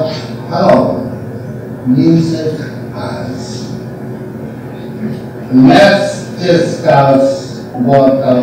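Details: Man who was nonverbal after a major stroke, speaking with two tones as melodic intonation, mentally singing each phrase and shaping it into speech; aphasia with melodic intonation speech.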